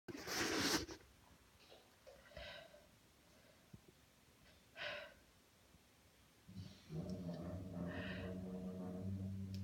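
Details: Sneezing after a shower: a loud sneeze burst, then softer breaths or sniffs and a low voiced sound, with room noise.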